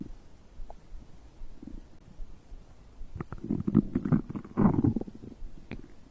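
Low gurgling and bubbling rumbles building in bursts: ordinary stomach growling from digestion after a drink.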